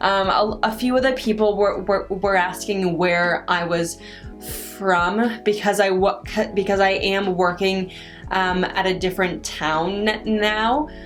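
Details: Adult woman with stuttering, which she says varies with her stress and anxiety; stuttering.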